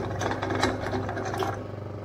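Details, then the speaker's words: Dental vacuum mixer with built-in vibrator running on a set timer: steady mechanical whirring and rattling while mixing investment material under vacuum. "you will press the mix button so it will start to mix the compound the investment material which is in it the timer with which you have set it is going to work according to that"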